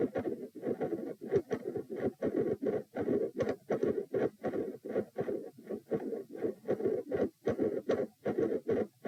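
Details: Split S1 and S2 with midsystolic murmur, recorded at position p lying down during manoeuvres to provoke murmurs; loud S1 and S2, four sounds per cycle, rapid repeating beats.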